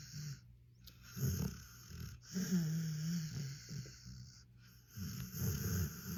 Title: Snore vibes for sleepy pals #dog #pitbull #sleepydog